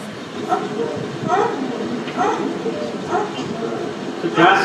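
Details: Febrile child breathing fast, respiratory rate about 70, SpO2 80% on room air rising to 95% on oxygen: short voiced grunts on each breath out; expiratory grunting, suggesting possible pneumonia, empyema or pulmonary edema.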